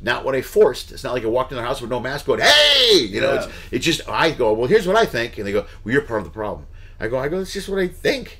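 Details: Adult man speaking; normal conversational speech.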